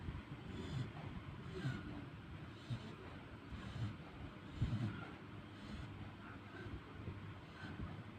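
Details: Sleeping dog: soft, low rumbling snores, roughly one every few seconds, over steady room noise.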